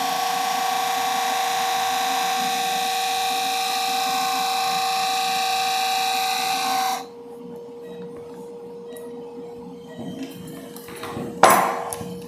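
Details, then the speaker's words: Steady buzzing surgical power drill driving a temporary fixation pin for about seven seconds, then quieter room noise and instrument clatter, before repositioning the plate during TPLO on a small dog with cranial cruciate ligament rupture. "Yeah. I reckon I will reposition that plate. So I'm just replacing my temporary fixation pin."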